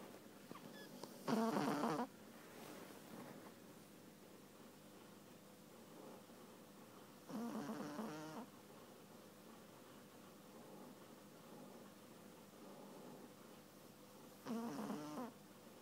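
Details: Very sleepy Petit Brabançon puppy: three soft, fluttering snorts spaced several seconds apart over light room noise; snoring.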